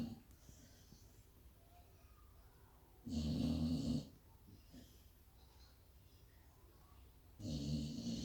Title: My Staffie snoring so loudly I couldn't hear the tv! 😮